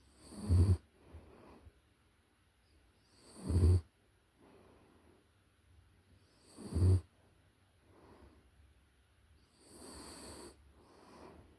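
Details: Close-up recording of a puppy in deep sleep: soft, rhythmic snores on each inhalation, about twenty breaths a minute, with quiet exhalations between, dog snoring.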